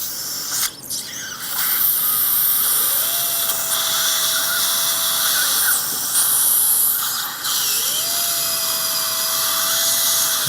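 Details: Dental drill during mini dental implant surgery replacing two missing teeth, working the second side including molars: high-pitched whine in two long runs, each rising then holding steady, over loud suction hiss; normal drilling.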